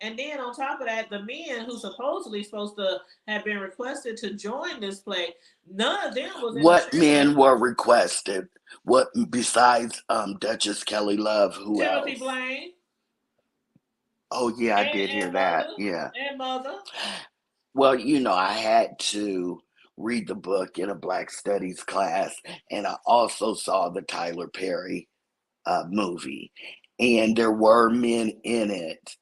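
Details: Dysphonia in an adult woman whose vocal cord was accidentally touched during recent thyroidectomy; hoarse, altered voice; she expects recovery in a couple of months.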